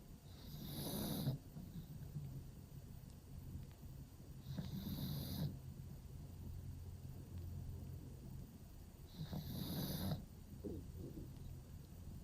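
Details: Pug dog sleeping in a cave-style pet bed, snoring: three rattling snore cycles about four to five seconds apart, each with a snuffling nasal hiss.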